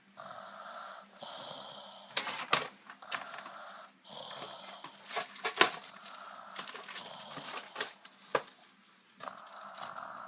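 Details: A baby's loud snoring.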